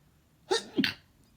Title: New year new sneezes! (Variety) (Male)